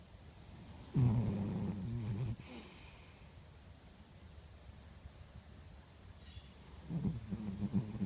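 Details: Two low, rough, rattling snores separated by quiet breathing, faint high hiss at each snore; snoring during sleep.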